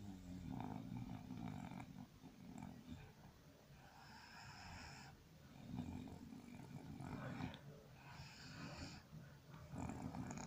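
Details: A sleeping dog snores with low, rattling rumbles on each breath, rising and fading in slow cycles, with some quieter hissing in between.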